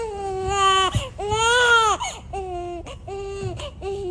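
Strong, high-pitched rhythmic crying from a newborn in bursts, with brief breaths between; an ordinary healthy newborn cry.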